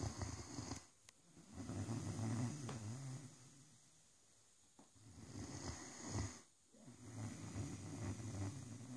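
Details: Soft, rumbling, fluttering snores rising and falling with each breath over a few slow cycles; a sleeping Great Dane dog snoring.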